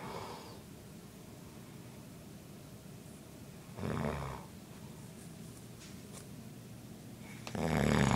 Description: My grandpa snoring at 2 am